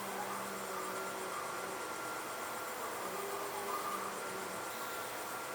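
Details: Steady mechanical hum and hiss with faint tones from a phacoemulsification machine during nucleus grooving in cataract surgery on a 63-year-old diabetic man with diabetic retinopathy and zonular dehiscence.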